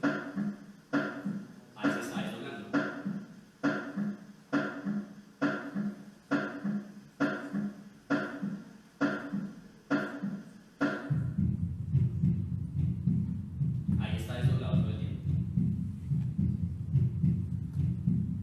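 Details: Physiological splitting of S2.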